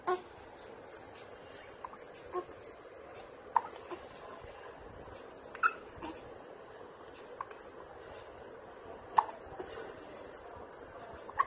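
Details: A baby in a hiccups compilation: about seven brief, sharp hiccup sounds at irregular intervals over soft room noise; infant hiccups.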